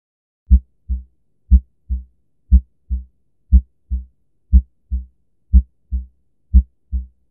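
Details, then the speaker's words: Normal healthy heart sounds from an animated children's heart-health video: regular lub-dub pairs at about 60 beats a minute, clean with no extra sounds; a normal heart pumps more than 60 times each minute. "a normal hot pumps more than 60 times each minute and sounds like this"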